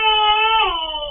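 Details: A 9-month-old baby startled by a sneeze gives a brief, loud, tonal wail that falls in pitch at the end; an ordinary startled infant cry.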